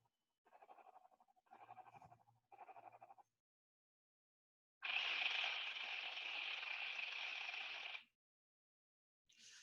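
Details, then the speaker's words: Simulated tinnitus used in patient counselling, covering sensorineural, somatosounds, myoclonus clicks and pulsatile types: three bursts of rapid buzzing pulses, then a steady hiss with a high ringing tone. "so in this simulation they put different kinds of sensory neural tinnitus soma two-sevenths clicks of my clonus pulsatile tinnitus and later on I can share with you the audio file so just listen to the different sounds"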